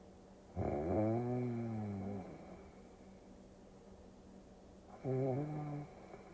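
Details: Snoring during sleep, from a sleep-aid ASMR recording: two deep, drawn-out tonal snores with a quiet pause between them, over a faint steady background hum.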